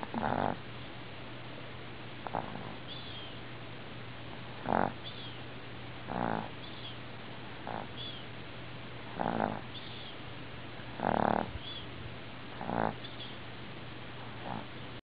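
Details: Sleeping dog snoring in a cartoon-like way: irregular snorting snores, about ten in fifteen seconds, some with a whistly squeak.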